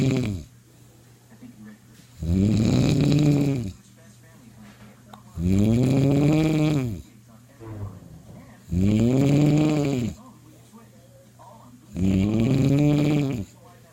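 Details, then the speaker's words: Adult man (dad) snoring loudly during sleep, with sleep apnea suspected: rough snores with long voiced buzzing on each breath in, about 19 a minute, separated by quiet breathing out. "My dad's snoring like a shaver or a pig. He's so loud. I can hear him from the living room."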